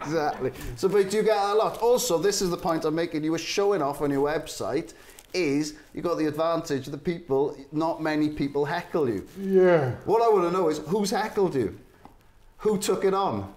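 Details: Adult male speaker; typical speech.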